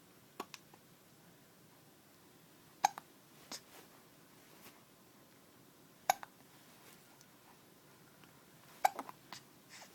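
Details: Young boy with hiccups in a quiet room: brief sharp catches recurring irregularly, a few seconds apart.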